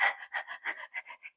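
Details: Simulated: an adult imitates a baby with bronchiolitis, giving a quick run of short, soft breathy puffs before speaking, to teach recognition of rapid breathing: tachypnoea.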